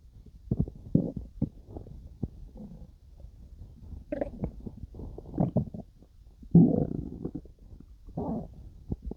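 Irregular gurgles, bubbling and low rumbles from the belly; ordinary stomach growling during digestion.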